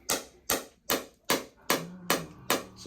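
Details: Radial shockwave therapy on an adult male runner's left SI joint, hip and low back (second session; history of nerve pain), with sharp regular clicking pulses about 2.5/s, each decaying quickly, and a faint hum later.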